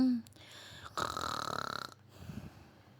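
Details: One loud, rattling, throaty burp lasting about a second in a quiet room, in a staged kids' skit about loud snoring.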